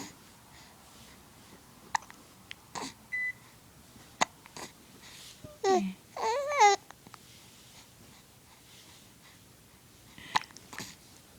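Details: Hiccups in an infant in the early morning: short, sharp, irregular hiccup catches mixed with soft cooing in a quiet room, with a caregiver talking.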